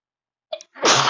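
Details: Sneezing fit at a desk: a brief catching intake of breath, then a loud forceful sneeze, the final one of the fit.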